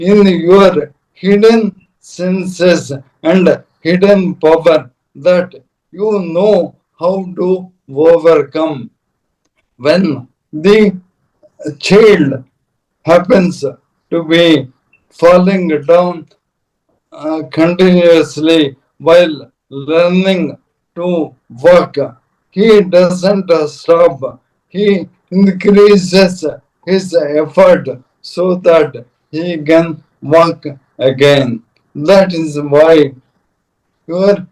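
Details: Adult man, a corporate strategist of 30+ years, with Parkinson's from 2022, diagnosed late, later ALS (motor neuron disease); mobility and speech very severely affected; slow speech with long pauses; dysarthria (ALS / motor neuron disease).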